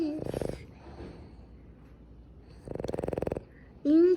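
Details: Male Boston Terrier asleep: two rattling, fluttering snores with a quiet pause between, and brief squeaky noises at the start and end. Small dog snoring.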